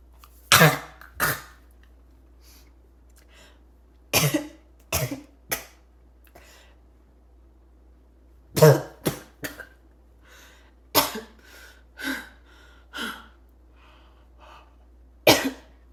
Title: Choking barking cough